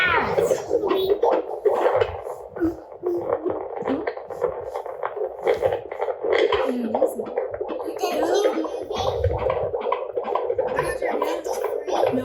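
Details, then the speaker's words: Fetal heartbeat on Doppler at a midwife's home visit, with the family's children helping to listen: rapid, scratchy whooshing pulses with children's voices mixed in. "the kids had not got to hear the baby's heartbeat and so at the home visit they asked if they could help listen to baby's heartbeat and so we got a little clip of that for you"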